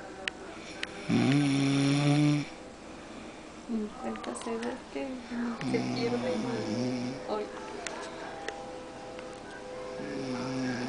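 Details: Second recording offered as proof that a person snores: one loud, buzzing snore, then softer, wavering snoring noises alongside clicks and faint room sounds.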